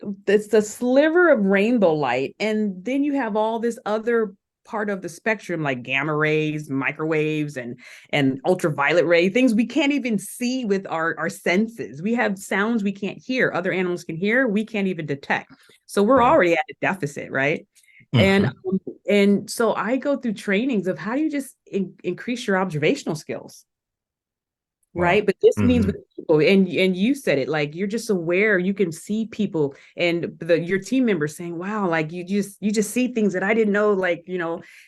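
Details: Adult woman who still stutters today, noting listeners can probably hear it; stuttering.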